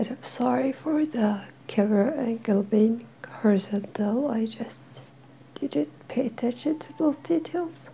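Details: Dysphonia in a woman who is slowly regaining her voice while attending occupational therapy. She says she is hard to understand.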